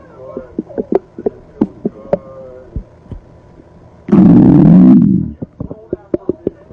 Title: Stomach Growling Vol 3